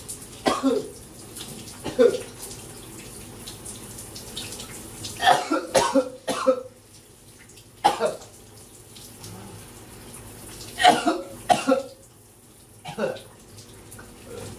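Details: Repeated clusters of harsh coughs, about ten in total, while showering with running water behind; persistent coughing fits from a throat bug.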